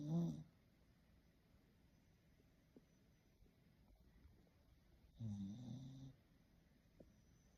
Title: Snoring away to glory #puppylife #doglover #dogsnoring #dogstagram #maltipoo